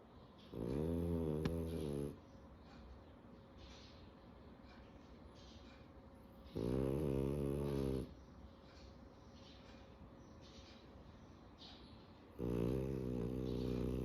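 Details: A French bulldog snoring while sleeping during the day: three loud, buzzing snores, each about 1.5 seconds, recurring every six seconds or so with quiet breathing between.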